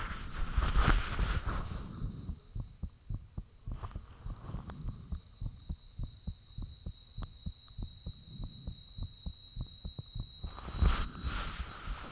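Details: Recording of one's own heartbeat with the fan off, made shortly after the heart began feeling unusually thumpy: clear, steady, loud thumps with faint background hum; valve sounds and blood rushing reportedly audible at times.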